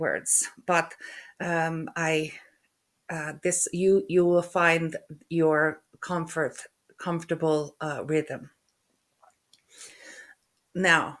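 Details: Aphasia after a stroke in a woman who also has functional neurological disorder, with halting speech, hesitations between words, word-finding difficulty (anomia) and stuttering; finding: aphasia.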